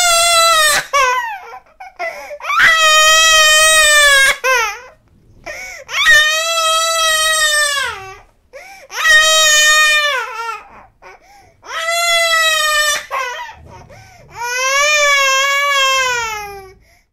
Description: 8 month old baby crying sound effect.